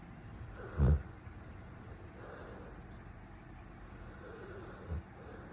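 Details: Cane Corso puppy snoring while asleep with its eyes open: two low, rumbling snorts about four seconds apart over steady room noise.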